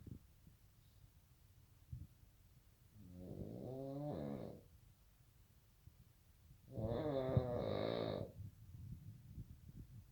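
Two loud, rough, fluttering snores on the in-breath, separated by quiet pauses; ordinary loud snoring.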